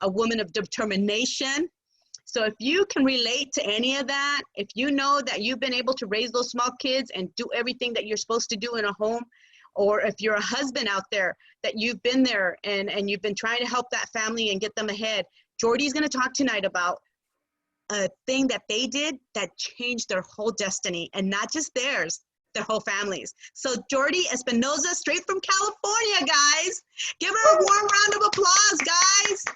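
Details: Adult woman speaking; typical speech.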